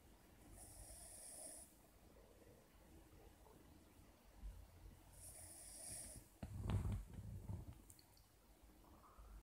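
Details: Cavalier King Charles Spaniel dog snoring while asleep: soft, low snoring, then a louder snort.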